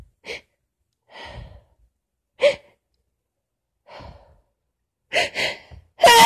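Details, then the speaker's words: Adult with cold remnants plus allergies and hoarse voice, sneezing fit winding down: several sharp, explosive sneezes, including a quick double, with softer breathy inhalations between. "A few sneezes yet to come. Well, I know I sound like crap, but I do feel significantly better. Right now it just sounds bad. Probably a few more sneezes left, but I think I'll stop this."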